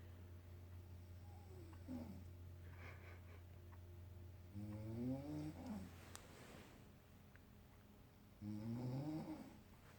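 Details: Mother snoring while asleep in a hotel room; rough, buzzing snores repeating over a steady low hum of room noise, with quieter breaths between.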